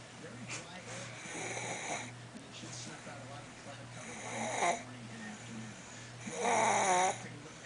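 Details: Sleeping young child snoring, with rough, rattling breathing noises recurring in bursts over a steady background hum and faint nearby voices.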